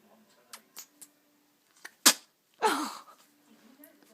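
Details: Sleepy baby ferret giving a little cough; cough.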